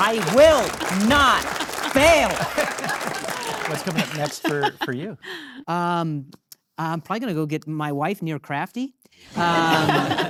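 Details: Adult man with acquired persistent stuttering that began at age 20 after a traumatic brain injury: a softball struck his throat and he hit his head; initially diagnosed as minor vocal contusion with major concussion.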